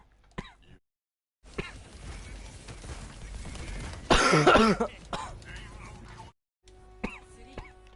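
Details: Hard coughing: a few harsh, forceful coughs and throat-clearing sounds with some background noise.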